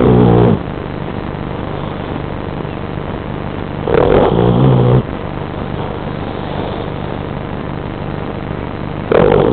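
Loud, low rumbling snore bursts about five seconds apart over steady background hum; a sleeping dog snoring.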